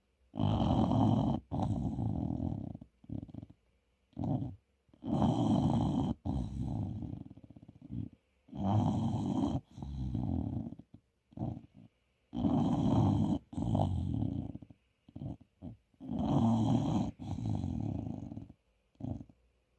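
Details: Sleeping English bulldog puppy snoring: loud, rattling snores with long noisy breaths and short snorting catches in between.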